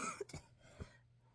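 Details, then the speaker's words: Adult coughing while talking, saying she keeps coughing up a lot and that's why her voice sounds as it does. "I'm pretty sure I keep [ __ ] coughing up a lot. That's why I sound like this, too."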